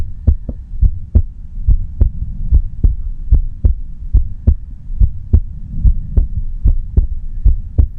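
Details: A steady, regular lub-dub heartbeat at about 72 beats a minute over a low background hum, recorded quietly with no talking; a normal heartbeat.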